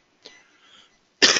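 A faint breathy throat sound, a brief pause, then a single sharp, loud cough burst cut off at the end: one ordinary dry-sounding adult cough.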